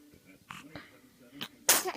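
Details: Six-week-old infant sneezing: soft breathy sounds, then one sharp, hissing burst, a single infant sneeze.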